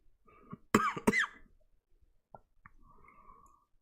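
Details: Adult coughing repeatedly during a live stream: two sharp, loud cough bursts in quick succession in a quiet room, followed by faint clicks; a plain cough.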